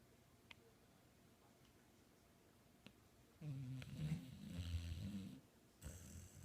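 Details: Low fluttering, rattling snoring breaths for a few seconds in a quiet room, with a soft voice at the end: snoring.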